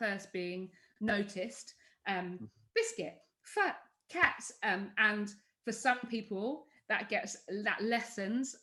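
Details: Vocal tics from Tourette syndrome in an adult woman: involuntary words like 'biscuit', 'hedgehog', 'sausage' and 'cats' interrupt her speech. She also has motor tics, including chest banging.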